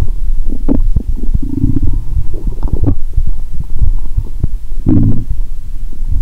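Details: Upper abdomen heard through a stethoscope after drinking cola with Mentos, belly painful: loud low gurgles and rumbling bursts of gas and fluid, bowel sounds (borborygmi).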